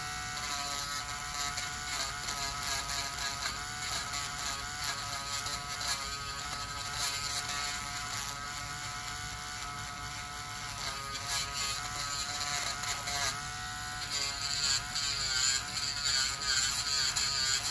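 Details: Male dialysis patient with high blood pressure, severe suspected fungal toenail infection, samples sent to lab: steady high whine of a podiatric nail drill with changing pitch as it grinds thickened toenails.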